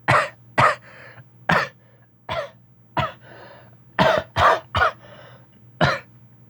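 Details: A sick snake coughing repeatedly for about a minute: ten short, sharp, explosive bursts, some closely paired, with faint hissing between them.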